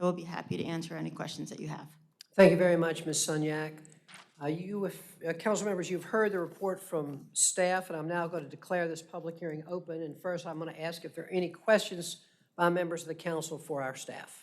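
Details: Adult speakers in a meeting room; normal speech.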